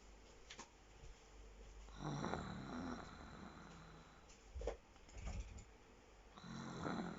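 Low grunting, snorting snores recurring with each breath over faint room noise; ordinary snoring.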